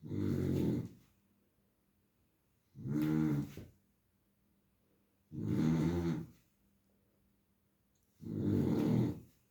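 Four loud, low, rattling snores with quiet pauses between them, a slow rhythm of about five breaths in the 9.5 seconds. Snoring.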